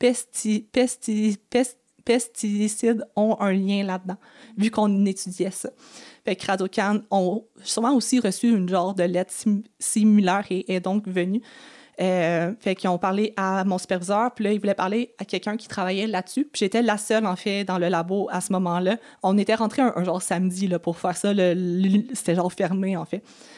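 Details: Stuttering in a 28-year-old woman with blocks and repetitions that she says increase under stress, such as job or on-camera interviews, and is often fluent in casual conversation.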